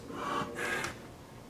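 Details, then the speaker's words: Bag valve mask ventilation of a manikin, one breath every 6 seconds (10 per minute): a single soft whooshing breath as the bag is squeezed, then quiet. "that's how I'm going to deliver the breath now remember with our breaths we're going to deliver the the best method is one breath every 6 seconds 10 breaths per minute"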